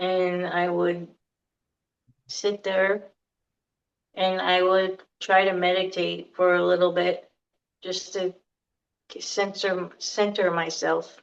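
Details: Aphasia in an adult female survivor of a hemorrhagic stroke in September 2018, who could not speak for two years afterward and still has difficulty getting words out and processing speech; repetitions and a word substitution are heard.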